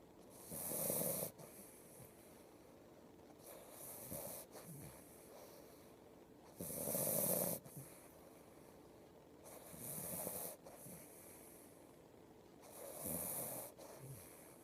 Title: Alfie snoring!